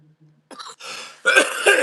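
An adult man gives a brief throat clear and a short cough, rough and noisy, with no wheeze.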